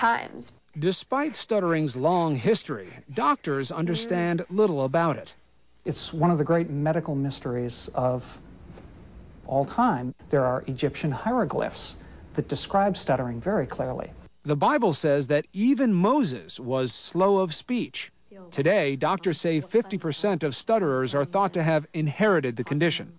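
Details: Adult male narrator; normal fluent speech.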